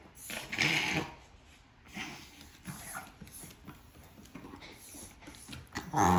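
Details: 4-year-old female Chihuahua: bursts of rapid, noisy snorting inhalations in a quiet room, a reverse sneezing episode.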